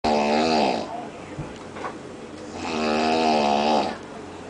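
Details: Adult man snoring during an afternoon nap, snoring lasting over an hour: two loud, buzzing, tonal snores about 3 seconds apart with quieter breathing between; snoring.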